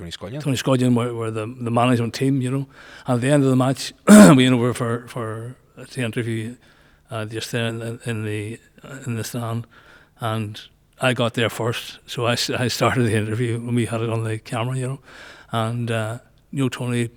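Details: Male nearly 65 with Parkinson's disease who noticed a voice change before diagnosis and has word-finding difficulty; Parkinson's disease speech (hypokinetic dysarthria).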